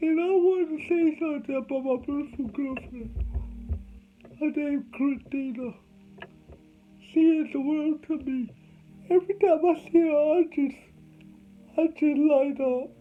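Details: Adult man with cerebral palsy, told he would never talk: dysarthria (cerebral palsy).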